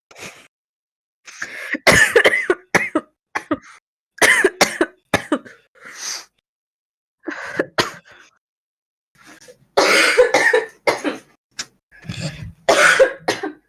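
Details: Repeated bouts of harsh, deep barking coughs in clusters with brief pauses for breath, from a young female smoker who also constantly clears her throat; smoker's cough.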